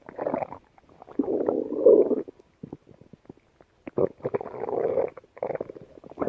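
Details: Yellow Labrador dog gut sounds: irregular gurgling and rumbling bursts with short quiet gaps; active bowel sounds (borborygmi).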